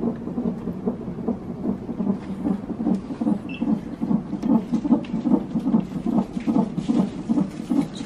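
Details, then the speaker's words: Woman in labour in hospital, having contractions, epidural planned: rapid, regular whooshing fetal heartbeat on a Doppler monitor at about 146 a minute, baby's heartbeat; fetal heartbeat on Doppler monitor. "इस babies heartbeat"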